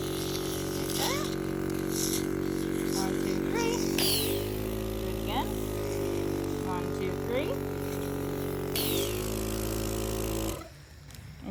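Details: Child's tracheostomy suctioned at home with a sleeved suction catheter to a length of nine, after the HME is removed: steady suction-machine hum with brief squeaky, slurping sounds; tracheostomy suctioning.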